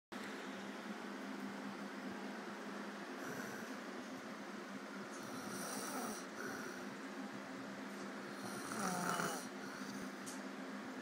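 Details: Snoring from a sleeping adult who passed out after the club: steady low droning rumble with rougher rattling bursts over room noise.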